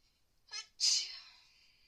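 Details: Single sneeze, a brief catching inhale then a sharp hissing burst, during a very bad cold with fever and many sneezes, caught in April after bathing in freezing pool water.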